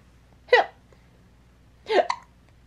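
Two short, sharp, voiced hiccup sounds, about a second and a half apart, from an infant in a quiet room. These are ordinary hiccups.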